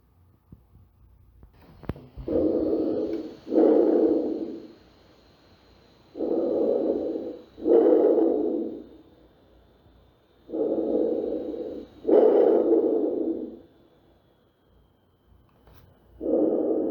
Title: Ausculta Pulmonar - Normal - Imuno